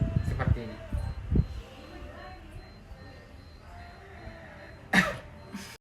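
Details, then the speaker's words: A nursing student demonstrates effective coughing: repeated breaths in through the nose and out through the mouth, then a final breath out with one sharp, forceful cough to clear airway mucus. "tarik naas melalui hidung lalu hemuskan melalui mulut dan sertakan batuk"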